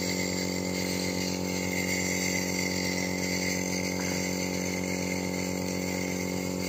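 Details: Nebulizer compressor running for a 4-month-old baby with cold and cough: steady droning motor hum with a fine rapid buzz.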